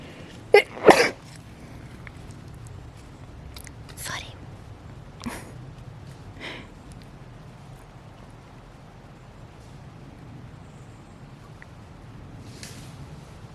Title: Mom Sneezes and Scares the Little Cat